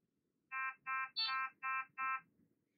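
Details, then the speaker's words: Fresenius Kabi Amika ambulatory enteral feeding pump: five short bright electronic beeps in quick series with the orange light flashing, signalling air detected in the tubing upstream of the pump or an empty bag; silenced with Stop. Air-in-line alarm. "Alarme. Alarme de détection d'air. Le voyant orange clignote. Stoppez l'alarme en appuyant sur le bouton Stop."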